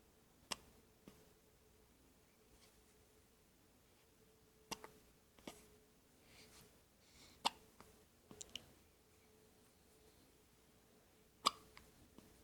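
Sharp, brief, irregular clicking gulps in a quiet room, roughly 15 a minute: hiccups.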